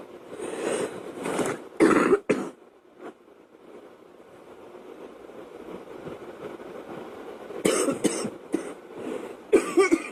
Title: Girl coughing 185